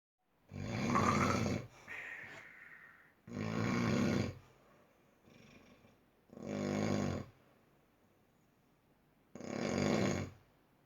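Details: Loud rasping snores on each inhalation, about four in ten seconds, with quieter exhalations between; heavy snoring.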